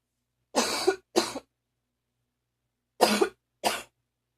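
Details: Morning phlegmy cough, a recurring episode with near-choking: two pairs of short, harsh, loose, rattly coughs between silent gaps; a productive (wet) cough.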